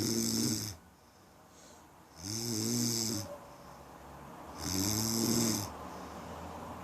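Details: Person's own snoring: rough, buzzing snores on each breath in, about three in under seven seconds, with quieter breathing between.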